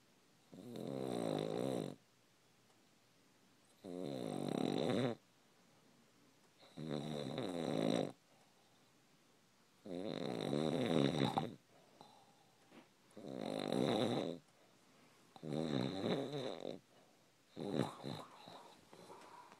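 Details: Person snoring while asleep: loud, rattling snores on each breath with quiet pauses between, seven in twenty seconds, about 21 a minute; snoring.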